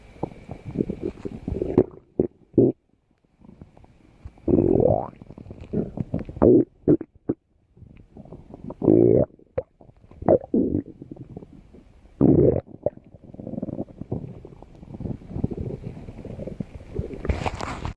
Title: Stomach growling